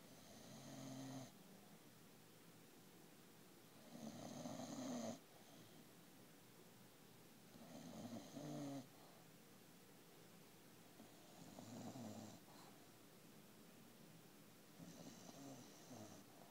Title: Bulldog snore